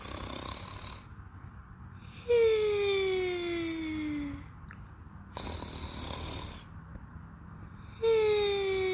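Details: Sleeping person snoring: loud, whistling, tonal snores with falling pitch alternating with quieter breaths, about three breath cycles in nine seconds.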